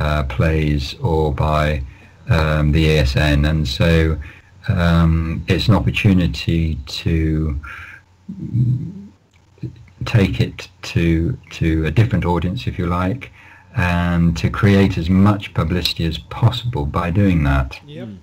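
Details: Lifelong stuttering (stammering) in an adult male, managed with prolonged speech and relaxation techniques.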